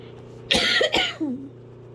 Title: hard coughing.